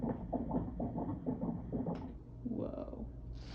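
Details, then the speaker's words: Quick, pulsing whooshes from a Doppler at about 130 a minute, fetal heartbeat at a prenatal check at about 32 weeks 2 days, mother 33 weeks pregnant after a previous preterm birth at 33 weeks; fetal heartbeat. "but we did hear his heartbeat and here's that clip of Dan hearing his heartbeat it was really cute"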